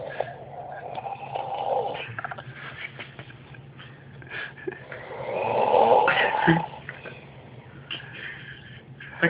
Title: Buck snoring lol